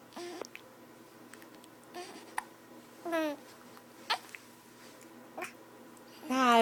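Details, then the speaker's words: Happy baby babbling and cooing, with several short abrupt catches between sounds: hiccups. "that's a happy baby he's trying to get hiccups say hi yeah do you know you have hiccups"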